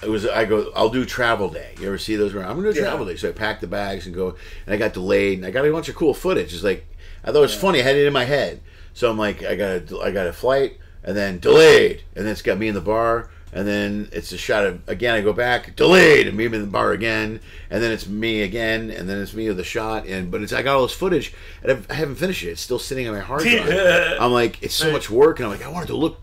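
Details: Adult man; normal speech.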